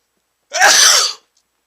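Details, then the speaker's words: An adult man sneezes after sniffing chhinkni sneezing powder: one big, forceful, hissing sneeze lasting under a second, louder than he usually sneezes. "I think I'm going to sneeze I'm going to sneeze oh that was a big sneeze I usually don't sneeze that loud"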